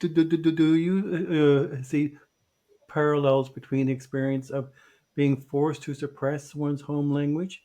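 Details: Podcast co-host who identifies himself as a person who stutters. Finding: stuttering.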